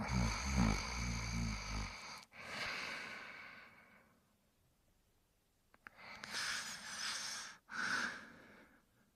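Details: Sleeping subject snoring: low rattling snore on the in-breath, then quieter breathing and a snorting exhale.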